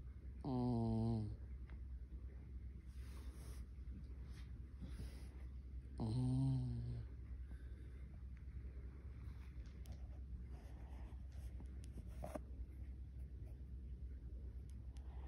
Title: Cairn Terrier Ruby snoring